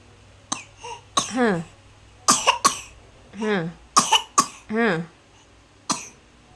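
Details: Young child given cough medicine: several short, sharp coughs in pairs with whimpering, rising-falling cries between them; a coughing, fussing child.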